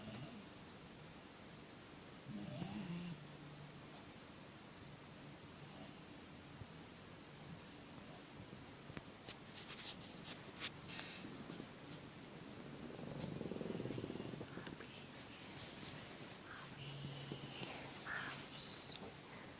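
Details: Four-month-old Doberman/Caucasian ovcharka mix puppy sleeping, making soft snorting snores, with faint room noise and a few clicks in the background.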